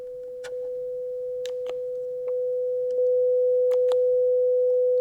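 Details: Simulated binaural ASMR hearing test modeled on an audiology exam: steady mid-pitched pure tone growing louder in steps with soft taps over it, pure-tone audiometric test tone with masking.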